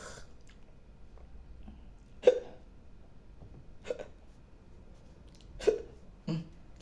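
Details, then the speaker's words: Person with hiccups: four short, sharp gulping sounds a second or two apart in a quiet room; hiccups. "Ya, mungkin teman-teman banyak yang ngalamin cegukan. Jadi, cegukan itu ee tidak mengenakkan ya karena lumayan sesek kadang-kadang."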